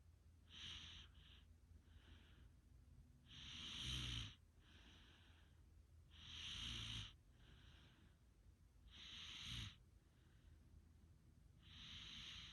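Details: Snoring during sleep: slow breathing with noisy, hissing inhalations about every 2.7 seconds, roughly 22 breaths a minute.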